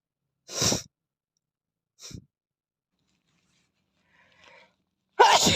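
Two sharp bursts of air with a faint sound between them, ending in a third loud burst: sneezes.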